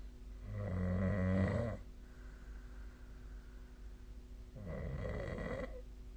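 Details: Two deep, rumbling snores with a quiet pause between them from an adult asleep, over faint room hum, recorded on 2024/12/23 with the SnoreLab snoring app; snoring.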